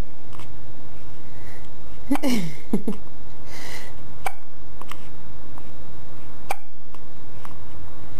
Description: Our 5 day old boy with hiccups.